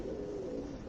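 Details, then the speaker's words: Adult, hungry and not yet eaten, notes her own stomach growling: short, low, gliding moan-like rumble under a second, ordinary hunger borborygmi. "listen to my stomach growling. I hope y'all can't hear that on camera. Jesus. It is trying to talk on the live. My stomach is trying to say stuff."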